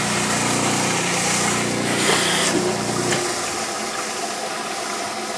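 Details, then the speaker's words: Dental lab model trimmer making the anterior cuts on a plaster study model, connecting the cuspid marks to the anterior mark to form a point: steady motor hum with water noise and a rougher grinding stretch in the middle. "So I'm going to go into my trimmer trying to connect this cuspid dot with the anterior. Then I'm going to turn my model and I'm going to connect this cuspid dot with the anterior region, and it'll develop a point for me."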